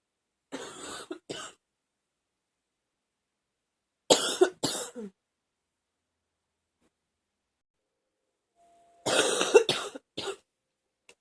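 Three bouts of loose, chesty coughing from an adult, each with two or three rattling bursts.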